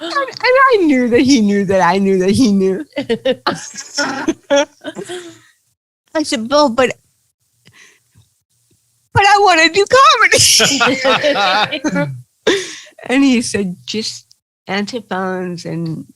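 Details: Adult woman with cerebral palsy speaking in an interview: dysarthria (cerebral palsy).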